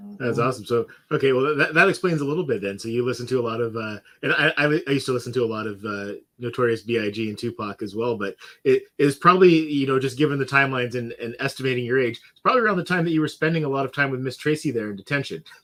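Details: Adult man speaking; typical speech.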